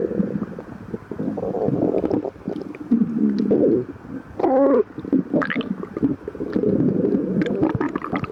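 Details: Hungry stomach growling in a lactose-intolerant person after 12 hours without food, before and after drinking milk: loud, drawn-out gurgling and rumbling with bubbly squeaks.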